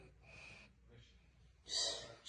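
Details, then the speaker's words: Dogue de Bordeaux dog snoring in its sleep: three noisy, hissing breaths with a loud snorting inhalation near the end; owner jokes he snores like he's been working all day. "why you snoring like that you didn't do nothing I did all the work"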